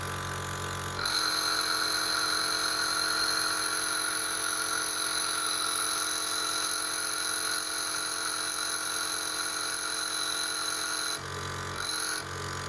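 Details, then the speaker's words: Omron C102 Total compressor nebulizer running in nasal shower mode: a steady mechanical hum with a high whine, starting and stopping with clicks. "so now I plug the other side of the tube into the nozzle Shore and now I start the compressor so you have to press the button"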